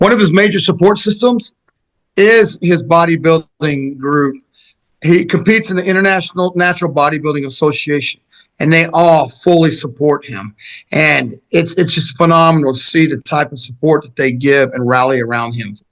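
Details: Adult man; typical speech.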